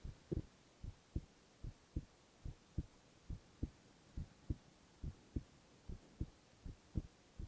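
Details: Male (boy) heart sounds in a silent, no-talking ASMR recording: steady paired lub-dub heartbeats at about 70 a minute, regular rhythm; normal heart sounds.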